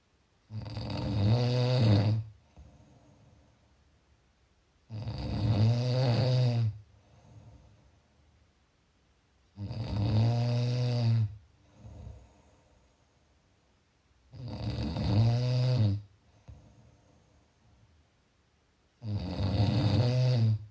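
Regular deep rattling snores on each breath in, about 13 a minute, with quiet breaths out between.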